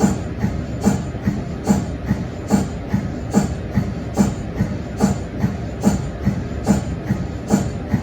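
Steady rhythmic mechanical chuffing, about 72 pulses a minute: the normal pumping of an MRI scanner's cold head.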